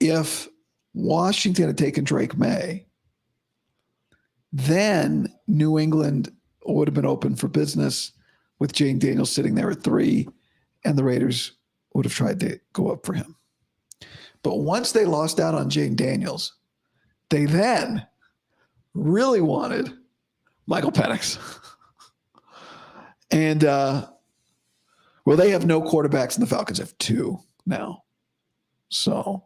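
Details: Adult male host about five to five and a half weeks after vocal cord surgery, voice improving daily but likely unchanged from yesterday after heavy voice use and no sleep; dysphonia after vocal cord surgery.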